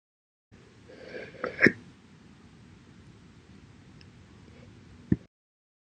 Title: 12/11/21, and every other day to 12/31/21 Slow Hiccups after Breakfast